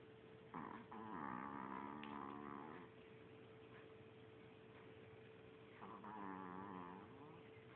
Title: Snoring dog